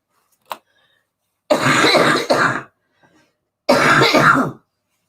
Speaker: sorry guys I've got a cough again